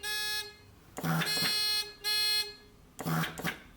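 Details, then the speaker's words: Alternating loud electronic alarm tones with mechanical hissing and clicking: a stenosis alarm on a WEINMANN MEDUMAT Standard a emergency ventilator. It sounds during a function check with the test bag disconnected, the patient valve closed by hand, and frequency set to 30. "i need to hear a stenosis alarm which obviously i am hearing and it's also visible via the leds so this is how i close the patient valve"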